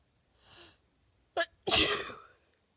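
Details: A single sneeze triggered after a shower and blowing the nose: a quiet breath in, a short catch, then one loud, explosive sneeze that fades out.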